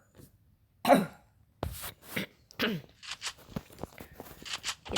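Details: A person coughing while playing Free Fire: several coughs and throat clearings, with faint voices and game sounds in the background.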